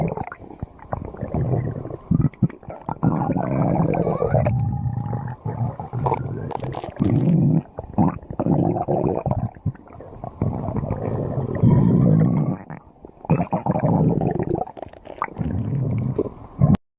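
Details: Loud, low abdominal rumbling and gurgling with rising and falling squeaky tones; stomach growling (borborygmi).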